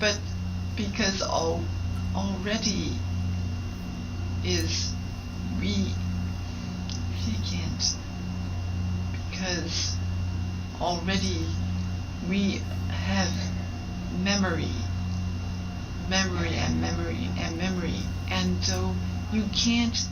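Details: Woman after a stroke involving Broca's area, trying but failing to communicate, with slightly slurred words and awareness of her deficit; Broca's (expressive) aphasia.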